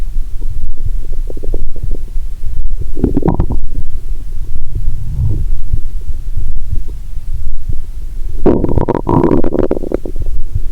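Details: Through a stethoscope on the abdomen while lying down after drinking cola with Mentos, steady low thudding broken by two bursts of bubbling, rumbling gurgles: active bowel sounds.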